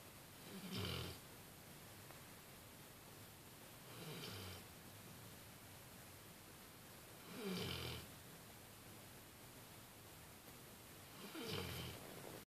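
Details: Loud snoring during sleep: four slow, rough snoring breaths, about 17 a minute, over steady background hiss; regular snoring.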